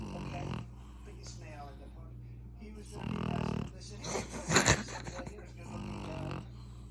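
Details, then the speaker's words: Sleeping pug, a flat-faced dog, lying comfortably: rough, rattling snores with a few loud snorts among quieter breathing and faint room sound; snoring. "that's the loudest snore for a small ugly face or a c face he's in Cloud n"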